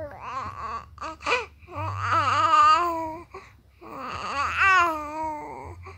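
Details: Fussy, unsettled infant crying in rising and falling wails with short catches of breath, in a small room; ordinary crying.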